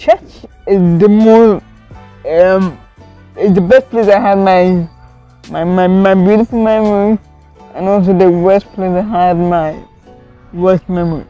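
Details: Adult woman with cerebral palsy from lack of oxygen to part of her brain at birth, impairing coordination; could not walk or talk as a child; speech in cerebral palsy.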